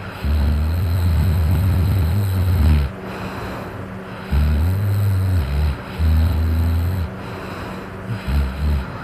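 Loud, deep rumbling snores on breaths in, a few seconds each with pauses between, over some background noise.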